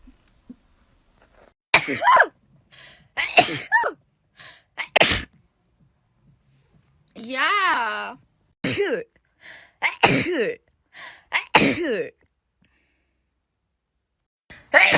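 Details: Person who sneezes a lot, not thought to be allergies, just woke up: a run of sharp, explosive sneezing bursts with quick intakes between, several in a row, with a brief voiced sound partway through.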